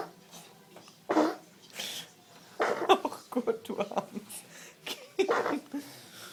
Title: Süßes Baby Niesanfall Lustig 13 mal in Folge Cute Baby sneezing 13 times